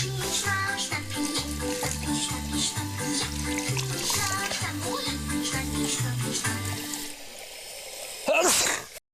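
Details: Adult man, reportedly drunk, on Big Brother Sweden/Norway 2006: background music fades, then one sudden loud, explosive sneeze.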